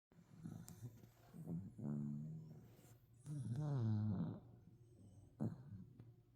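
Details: Overweight sleeping dachshund snoring: loud, low, fluttering snores on slow breaths, with softer snorts between them.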